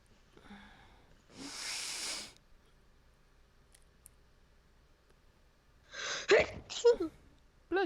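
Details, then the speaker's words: A livestreamer's single tiny sneeze that she calls a "teeny weeny little baby sneeze" after first struggling to sneeze; sneeze. "That was the giriest sneeze I've ever done, by the way. know why it sounds like it's going to be huge and it's a teeny weeny little baby sneeze."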